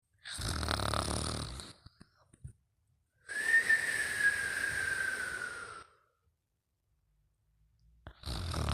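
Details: He has fallen asleep on the couch; rough snoring breaths alternate with a long, high whistling breath: snoring with a nasal whistle.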